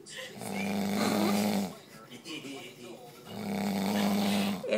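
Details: A sleeping dog snoring: two long, buzzing, rumbling snores with a quieter breath between them.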